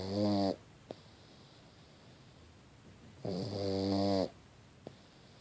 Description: Do you love listening to pugs/dogs snore? If so, then you will love this video of my pug snoring away.